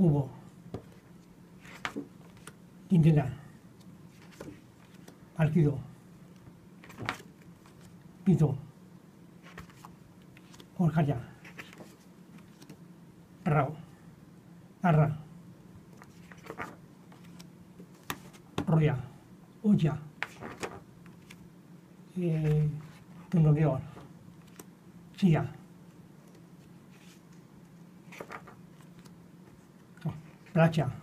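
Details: 61-year-old patient with non-fluent primary progressive aphasia, in therapy about two years (since July 2016); motor-predominant aphasia, apraxia, phonemic paraphasias, important inhibition difficulties; rapid picture naming. Non-fluent primary progressive aphasia with apraxia of speech.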